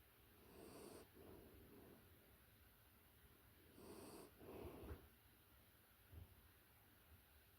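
Soft, snuffly breathing with gentle snores and small snorts from a sleeping puppy; ordinary sleep snoring.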